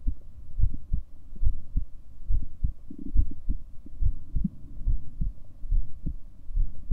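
Regular low thuds of a heartbeat at about 71 beats a minute, with a faint steady hum underneath.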